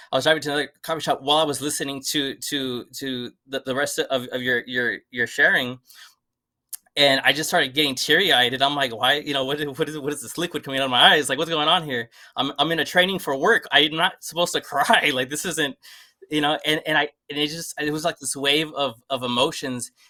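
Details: Adult man who stutters and had never really addressed his stutter before; stuttering.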